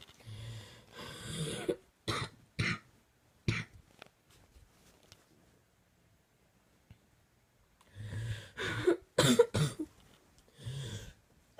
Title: So this coughing fit happened at 2am. Make it stop.